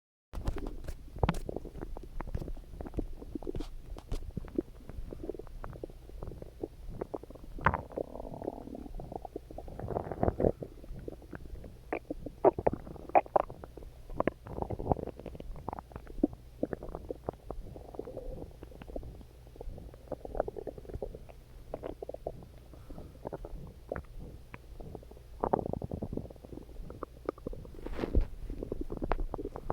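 Gurgling, bubbling bowel sounds with low rumbles and squeaks, typical stomach growling from hunger.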